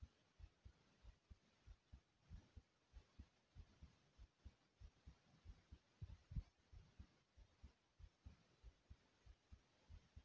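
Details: Own heartbeat described as pounding kind of fast; steady low thudding at roughly 95 beats a minute, slightly quick, under faint hiss.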